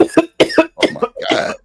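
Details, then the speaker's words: An adult coughs four harsh times in quick succession, close to the microphone. "Me coughing. Mute your mic. That sounds horrible, ma'am."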